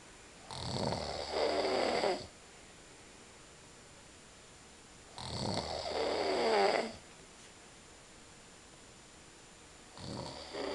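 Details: Father snoring: loud, rough snoring with long, harsh inhaled snores about every five seconds, roughly 12 a minute, in a quiet room.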